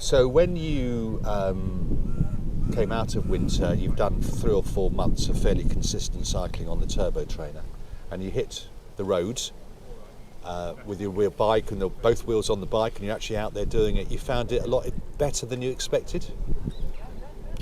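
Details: Adult male interviewer; typical speech.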